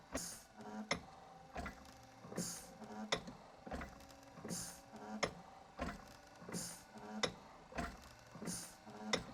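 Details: Rhythmic clicks, whirs and soft hisses about every 1.5 seconds from the TU Delft Project Inspiration cam-driven invasive mechanical ventilator, inspired by the Eastradcliffe ventilator, during monitoring-system setup: mechanical ventilator operating.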